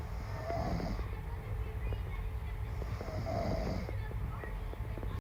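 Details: Woman snoring in sleep: two deep, rumbling snores on the in-breath, about three seconds apart, over steady low background noise.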